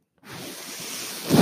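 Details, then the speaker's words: The podcast host's own mechanical ventilator, heard while he speaks: a soft steady airflow hiss that builds toward the end, a ventilator breath cycle. "hello everyone my name is that noise earring is my ventilator"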